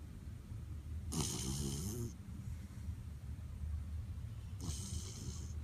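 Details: Two rattling, buzzy inhaled snores about three seconds apart over low room rumble, from a sleeping puppy; snoring.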